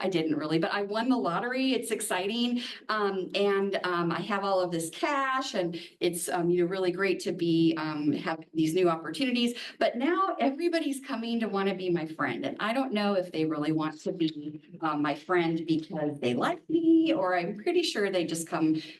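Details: Adult woman speaking; Normal speech.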